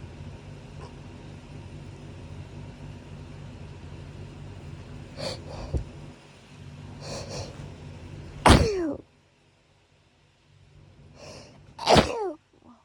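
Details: Person with hay fever who woke in the middle of the night sneezing: several sneezes, each with audible build-up breaths, two loud explosive ones near the end.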